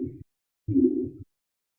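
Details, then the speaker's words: Holosystolic flow murmur of a ventricular septal defect: low, rough whooshing through all of systole between S1 and S2, from blood pushed through the septal hole during ventricular contraction; teaching recording from an EMS cardiac in-service. "So during ventricular contractions, you have blood that's being pushed from the right side over to the left side through the hole. Right? So you get the aspect, you'll hear the S1, the S2 there, but you have the flow murmur that's going on."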